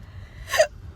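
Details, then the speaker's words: A single abrupt, short voiced hiccup during a bout of really bad hiccups, lasting over an hour, triggered by eating a chili pepper; spicy food reliably causes hiccups, as it does in the father. "hey guys so I have like really bad hiccups right now I was at work and we have Taco Tuesday so they're like hey you want a chili pepper and I was like yeah knowing I take after my dad and whenever we eat spicy food we get hiccups really bad hiccups"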